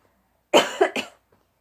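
Two quick, harsh coughs from an adult, with no wet or rattling sound: a dry cough.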